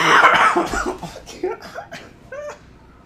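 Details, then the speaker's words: One loud, harsh cough then weaker trailing coughs and gasps, in an adult sick for about a week with an illness he says is passing; he mentions it hurt and reaches for a cough drop. "oh man that hurt oh did I mention I'm sick freak man oh I got a cough drop right here"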